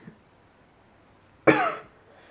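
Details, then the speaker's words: Single harsh cough from an adult in a quiet room who says he is coming down with a cough, with a dry throat, a voice scratchy for several days, and coughing more. "but I think I'm coming down with a cough like my voice has been pretty scratchy these past few days and I've been coughing more"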